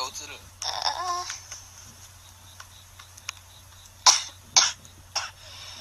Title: girl coughing fit !!!